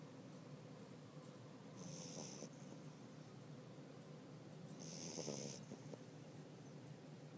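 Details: Soft rhythmic rasping snores over steady background noise, with two louder breaths with a hissing edge; ordinary snoring.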